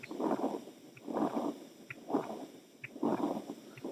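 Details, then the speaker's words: Veterinary cardiac auscultation teaching example: a rumbling, motor-like continuous murmur swelling with each beat, about 65 a minute, heard more toward the heart base; continuous machinery murmur of patent ductus arteriosus. "escuchamos de vuelta lo que parece artificial dos son los mentales soplo continuo sitio escuchamos más hacia la base del corazón"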